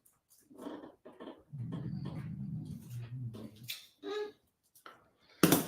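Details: Dog snoring: low, rumbling snore with snuffling breath sounds and a few soft whimper-like noises in a quiet room.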